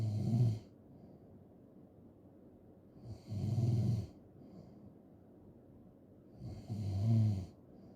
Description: just snoring and snoring loud asmr